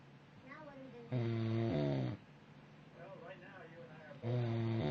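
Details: A man, described as a grizzly bear who claims he doesn't snore: two loud, rough, buzzing snores about three seconds apart, with quieter breathing between them; snoring.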